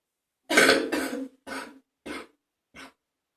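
Five harsh cough bursts in a short run, with a loose, phlegmy quality: a wet, productive cough.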